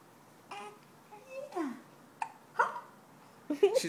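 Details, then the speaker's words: Smiling infant girl with hiccups: short, abrupt voiced catches at irregular intervals among soft baby noises. "oh yeah nobody has that smile she was like I like this hiccup thing everybody thinks I'm funny"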